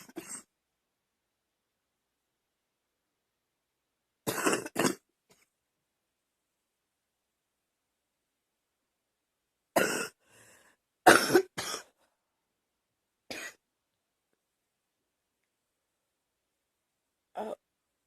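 Short dry coughs and throat clearing in small clusters, about nine bursts, with silent gaps between.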